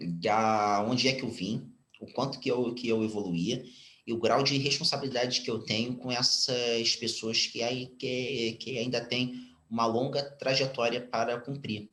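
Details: Stuttering in a 34-year-old man whose stuttering is now mild after speech therapy, in spontaneous speech.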